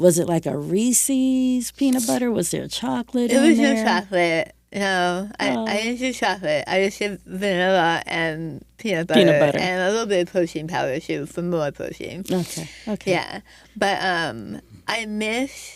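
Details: Adult woman after stage 4 right-sided tongue squamous cell carcinoma (diagnosed December 2021), over half of tongue removed and reconstructed with arm-skin flap, plus neck dissection, tracheotomy, chemoradiation and speech therapy; altered speech after partial glossectomy.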